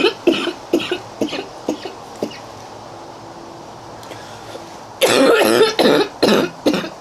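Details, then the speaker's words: Girl outdoors, coughing fit leaving her breathless: a run of about five harsh coughs, a short pause, then another burst of several loud coughs. "Oh my god, everyone. Okay. I didn't catch my breath. I'm never going to catch my breath. That was horrible."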